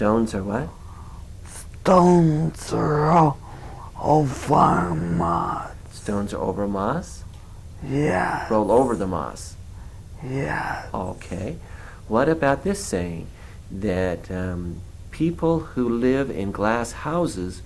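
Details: Real patient in a clinical neurologic exam, with fluent but meaningless speech containing neologisms, paraphasias and few nouns, and usually unaware of the deficit: receptive (Wernicke's) aphasia, with poor prognosis for recovery.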